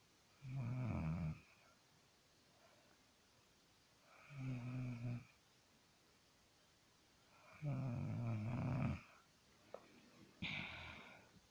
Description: My sister snore.